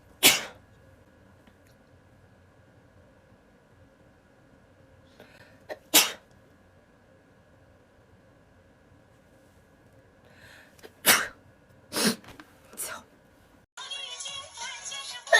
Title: Beautiful asian girl sneeze compilation